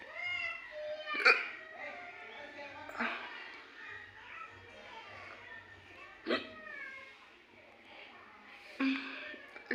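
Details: An adult woman's hiccups: four abrupt, sharp catches a few seconds apart in a quiet room with faint music. They are ongoing and not stopping; ordinary hiccups.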